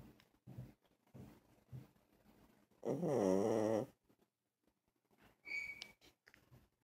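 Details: Six-year-old blind male rescue Chihuahua asleep on a couch: soft rattling snorts, then a long wavering, whistling breath and a brief high squeak; snoring in a small dog.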